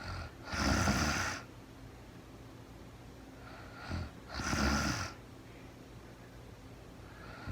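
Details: Real-time recording of a sleeping woman, very tired, snoring: rough, rattling snores a few seconds apart with quiet breathing between, roughly 16 a minute.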